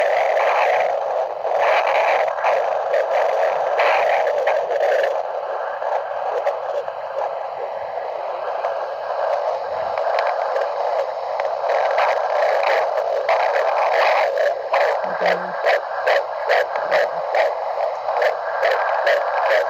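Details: Rapid whooshing fetal heartbeat through a Doppler monitor, about 140 beats a minute.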